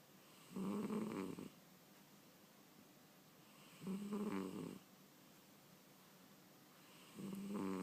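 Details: Cat snoring while asleep: regular buzzing snores, about 18 breaths a minute, with quiet pauses between.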